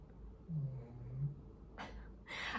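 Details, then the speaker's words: Snoring from a sleeping animal in her bed: a low, buzzing rumble on the in-breath, then soft breathy puffs on the out-breath. "Merith is snoring in her bed I hope you can hear"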